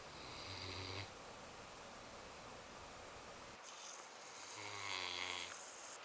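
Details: Female Newfoundland dog sleeping in a strange position after a long weekend of yard work: two long, rumbling snores with a quiet pause between, faint room hiss; ordinary snoring.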